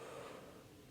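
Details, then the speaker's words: Healthy adult male patient taking deep breaths in and out through the mouth during a chest exam, heard with a stethoscope diaphragm; brief soft breath sound. "Usually when you are listening to somebody's lungs you're having them relatively hyperventilate. If somebody is not very healthy it may make them a little light headed so always give them a break after you've had them do that."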